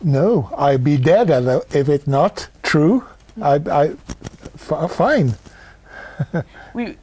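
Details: Aphasia after a stroke 12 years earlier in an adult male, initially left unable to walk or talk, with word-finding and reading-comprehension difficulty; aphasia.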